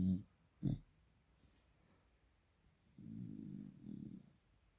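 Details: Sleeping Springer Spaniel puppy snoring: low, rumbling snorts repeating with each breath.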